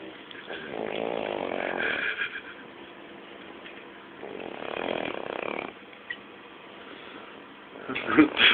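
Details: Male sleeper crashed out with two cushions on either side: raspy, fluttering snores every three to four seconds, with a brief rustle at the end; snoring during sleep.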